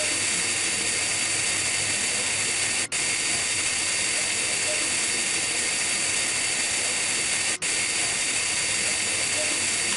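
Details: High-speed dental handpiece with fissure bur, steady high-pitched whine and hiss, briefly interrupted twice, during Class I amalgam cavity preparation of a mandibular first molar, cutting under buccal and lingual cusps for retention form.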